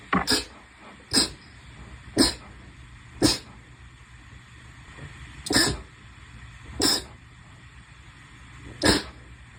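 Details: Seven sharp explosive sneezes in under ten seconds, some as quick double bursts, over steady background hum; sneezing.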